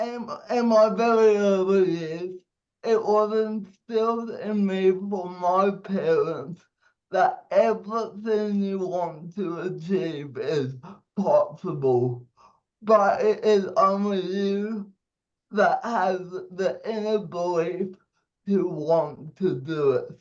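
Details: 27-year-old man with cerebral palsy giving a speech; dysarthria (cerebral palsy).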